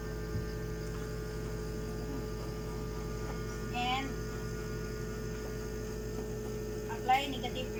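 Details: Steady motor hum of a suction machine during oropharyngeal/tracheostomy suctioning setup, with two brief gurgling slurps as the catheter is rinsed in water for lubrication before insertion.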